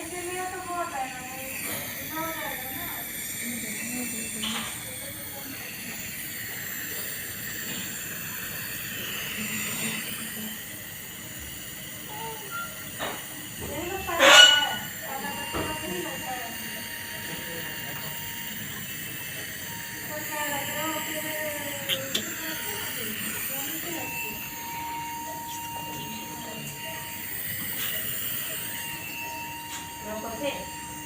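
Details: A nebulizer runs with a steady airy hiss and a faint mechanical hum throughout, in the context of children with severe breathing issues from cough and cold.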